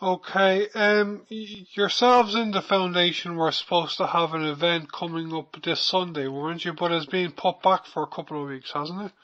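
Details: Adult speaker, radio interview; ordinary speech.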